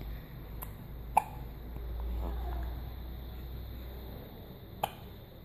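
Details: Newborn just hours after birth: two sharp, brief hiccups about four seconds apart over quiet room noise; hiccups.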